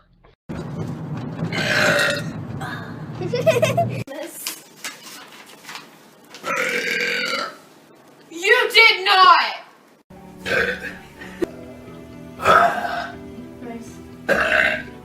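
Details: Compilation of female streamers burping: several loud, drawn-out voiced belches from different people, with brief talk between them and light background music.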